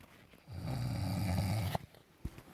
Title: SNORING ABOVE 4000 METRE SEA LEVEL IN MALSHEJ GHAT